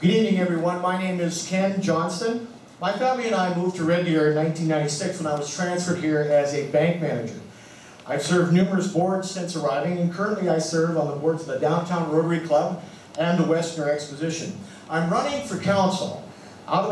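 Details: Adult man speaking; normal voice.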